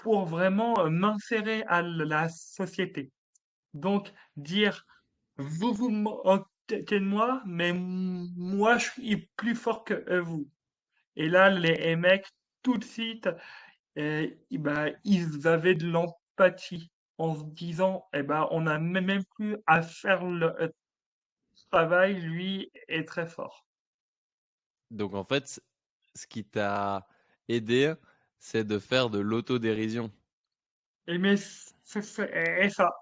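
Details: Adult man, a French-speaking comedian, who has stuttered since childhood and who calls it more like an accent; stuttering.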